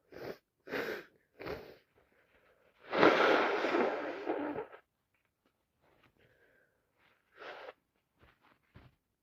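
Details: Wet sneezing on day 3 of a common cold caught from a cousin: short sniffs and catches of breath, then one strong wet sneeze and later sniffing; frequent uncontrollable sneezing.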